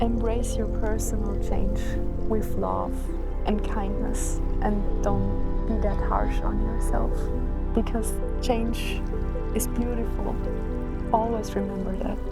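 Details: Adult speaker; ordinary speech.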